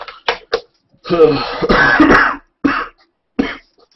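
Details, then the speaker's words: Adult's cough heard during live conversation; the cough is getting worse and is not painful, and talking eventually triggers coughing. Another speaker suggests it sounds like bronchitis. "yeah it's funny the cough is kind of worse it doesn't hurt but uh like if i'm talking eventually i just have to cough"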